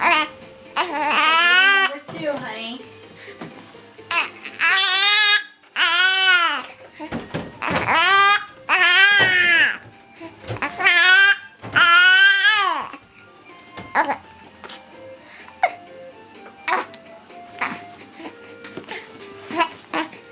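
Bursts of infant crying and fussing, with short sharp catches between some cries, in a small room with faint music.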